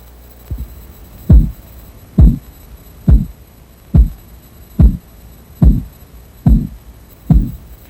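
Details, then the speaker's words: Korotkoff sounds in a blood pressure auscultation training exercise: regular low tapping pulse sounds, about 71 a minute, heard over the arm artery while the cuff deflates; first sound marks systolic, last sound diastolic pressure. "The following exercise is designed to help you learn to recognize the sounds you will hear when taking blood pressure by auscultation. Remember, the first sound you hear is the systolic pressure,"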